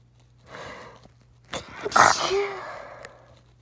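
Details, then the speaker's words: Person announces they have to sneeze: a building breathy inhalation, then one forceful, explosive sneeze and a trailing exhale: a single sneeze. "I have to sneeze."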